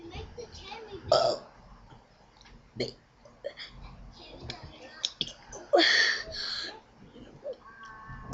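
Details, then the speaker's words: Voluntary belching: loud, drawn-out burps mixed with talking, shaped into the alphabet (burp ABCs). "Now I will do Burp ABCs. Burp ABCs. How exciting is that? Burp ABC."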